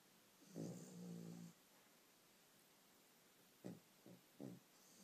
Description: One of the worst cases of dogs snoring I've ever heard. They are so loud.